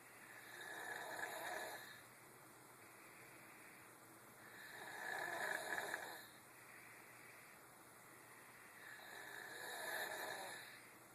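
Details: Steady, rasping snores with each breath in a sleeping 10-year-old child, about 16 a minute, over a faint background hum; snoring.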